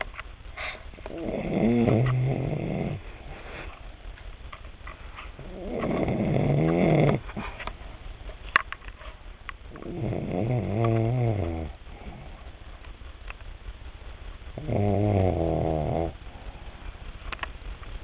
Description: My grandma snoring